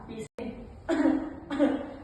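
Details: Simulated cough demonstrating proper cough etiquette, covering nose and mouth with a tissue.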